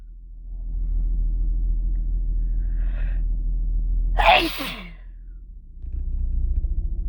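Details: A quick inward breath, then one forceful, explosive sneeze over a low background rumble, from a sneeze compilation recorded mostly while sick with a cold; some sneezes induced, the person trying to hold it back.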